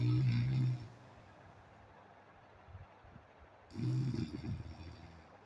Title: My Daily Issue 4 #sleep #snore #stop #irritation #sleepless